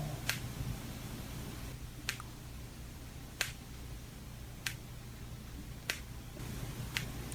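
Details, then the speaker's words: Real patient with anterior knee pain syndrome (patellofemoral): six sharp, separate "ttak ttak" clicks from the moving knee, presented in contrast to meniscal tear sounds; knee joint crepitus. "오. 아, 요거 이제 뭔가 딱 딱 딱 딱. 예. 그런 느낌이 드는 거예."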